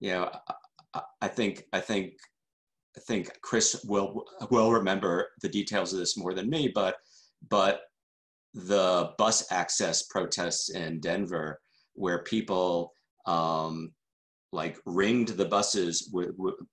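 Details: Adult man who stutters, with word repetitions: stuttering.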